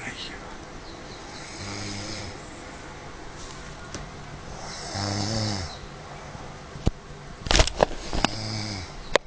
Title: SLEEPING ASS SNORING